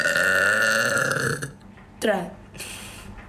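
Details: Burp from a burping contest: a long, loud, sustained voiced burp, then a short second belch and a brief noisy tail.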